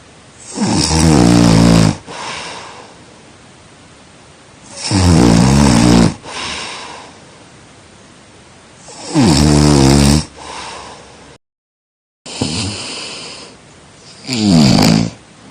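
Loud, deep, rumbling snores on each breath in, about 15 breaths a minute, with quieter breathing out between them.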